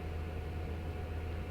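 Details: Ear microsuction by an audiologist under endoscope, removing thick, sticky, clay-like gritty wax from the ear canal: steady low rushing hum of the suction tube.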